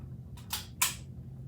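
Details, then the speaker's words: Two quick mechanical clicks as the door of an MRI infusion pump closes and locks shut over tubing during setup, with a low room hum behind. "You'll hear that lock. Now my door is locked and I can't open."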